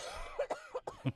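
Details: An adult podcast host gives a short run of about four quick, dry coughs in a small room, for a guess-the-cough segment.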